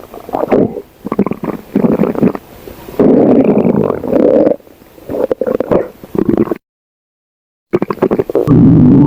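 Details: Dog's stomach growling (borborygmi): irregular, low gurgling and rumbling bursts from the belly.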